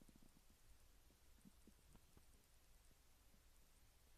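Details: Irregular low gurgles and rumbles recorded with the device held directly on a young Japanese woman's belly, shortly after eating instant ramen in the morning: digestive bowel sounds (borborygmi).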